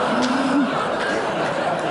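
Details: Acted imitation by an adult woman of how a colleague's speech sounded to her during her own left-hemisphere stroke, when she could not understand language; imitated unintelligible speech (receptive aphasia).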